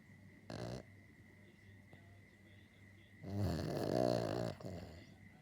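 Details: Pet dog asleep: a short snorting breath, then a longer rattling, fluttering snore on the in-breath; dog snoring.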